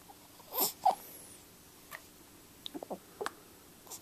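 Two sharp, abrupt voiced catches close together, then softer clicks and small breath noises in a quiet room; hiccups.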